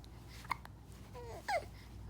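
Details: Baby hiccuping, also smiling and yawning: faint, brief, sharp catches of breath and a short coo over room hiss; hiccups.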